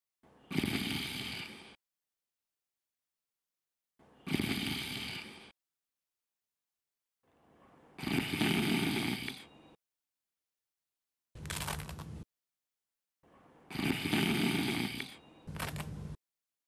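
Loud rasping snores in regular bursts separated by silence, with a few shorter snorts; acted snoring.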